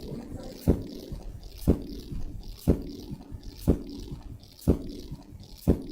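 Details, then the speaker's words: S3 gallop in a teaching recording: a regular heartbeat at about 60/min with a faint, low-frequency extra sound after each beat, giving a horse-like galloping rhythm. "okay so it is like a horse Galloping okay so that's how S3 sounds"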